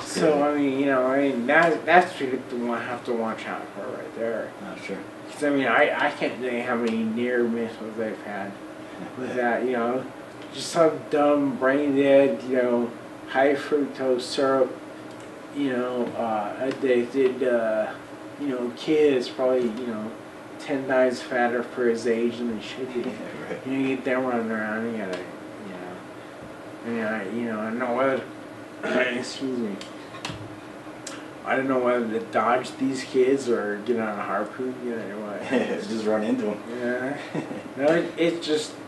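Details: Man of about 40 with Friedreich's ataxia who uses an electric wheelchair; voice declined over 10-12 years, talking much harder over the last 6 months or so; ataxic dysarthria.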